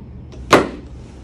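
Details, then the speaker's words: A single sharp knock as a chiropractic drop mechanism releases during an adjustment at the back of the tibia, tender on the left side, in a patient told they have scoliosis with flat feet. "Sound is the board, not your ankle breaking, okay? Sounds like this."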